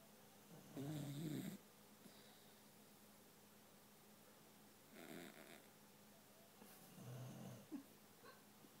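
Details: A sleeping boxer dog, adopted a week earlier, snores with two or three rough, low breaths and quiet gaps between them. A second boxer sleeps on another couch in the same room.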